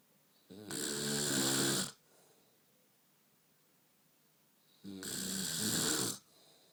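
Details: An adult woman snoring in sleep: two loud, rattling inspiratory snores about four seconds apart, roughly 14 breaths a minute, with quiet breathing between them. Typical snoring.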